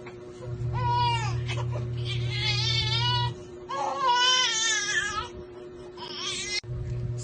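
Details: Repeated loud wailing cries from an infant being held and burped, with a steady low background hum.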